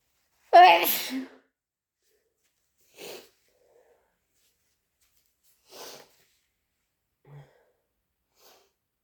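One loud, harsh, wet sneeze, then several softer sneeze-like bursts in a quiet room; induced sneezing.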